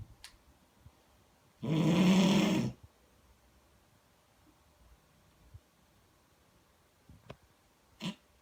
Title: snoring no.7